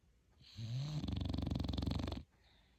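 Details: Dog snoring: one loud, low, fluttering snore on a single breath, with rapid rattling vibration through the middle of the sound.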